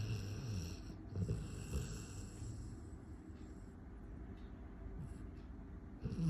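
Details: Golden retriever puppy snoring during a nap: soft, low, rattly breathing noise throughout, with faint snorts.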